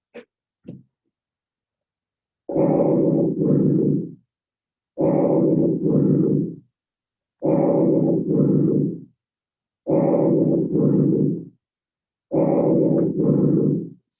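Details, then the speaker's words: Training manikin, stethoscope kept off the trachea because there is no sensor there: tracheal (glottic/bronchial) breath sounds with expiration almost longer than inspiration. "Bueno, escuchan que la expiración casi es más prolongada que la inspiración."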